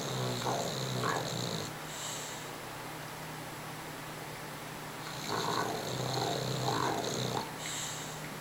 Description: Some of the funniest dog snoring I've heard...forward to the middle to hear it.